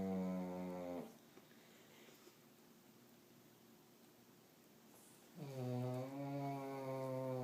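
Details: Snoring during sleep: a loud, low, buzzing rattle on each inward breath, with quiet pauses between snores.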